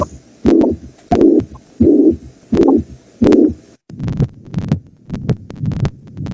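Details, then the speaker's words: Aortic stenosis murmur from a narrowed aortic valve, in an auscultation lesson: regular heartbeat near 87 per minute with a harsh rasping murmur filling each beat, then quieter beats. "jadi Disini yang namanya stenosis itu Ada apa ya suara penyakit tangannya di sini ada penyempitan aorta"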